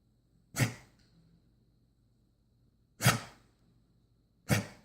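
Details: A dog, Brody, makes three sharp snorting bursts with quiet gaps, consistent with a reverse-sneezing episode.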